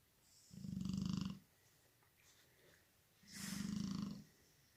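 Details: Sleeping female snoring: two low, fluttering snores with a quiet pause between, about 25 breaths a minute.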